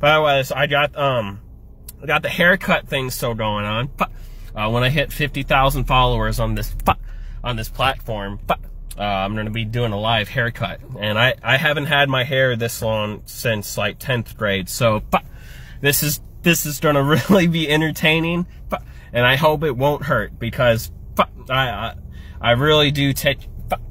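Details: Adult man with Tourette syndrome whose tics are worsened by caffeine, which he had earlier, and by anxiety; vocal tics (Tourette syndrome).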